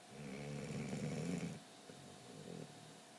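Low, rough, rumbling breathing noise during sleep, one long snore fading into quieter breaths; snoring in a dog.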